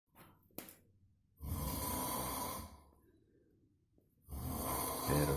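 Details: Snoring after a tiring day: two loud, harsh, fluttering snores, each lasting over a second, separated by quiet breathing pauses.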